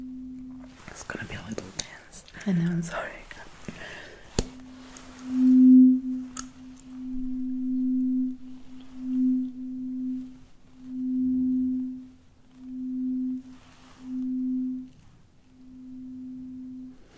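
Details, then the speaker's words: Simulated ASMR hearing-test role-play after ear cleaning and an otoscope check: a steady pure tuning fork tone held still and then moved, swelling and fading, to compare left and right ear perception. "So the first thing that I'm gonna use is this tuning fork right here. Initially, I'm just gonna keep it still here, and I ask you to focus on the sound and perhaps notice if there is a difference in the perception."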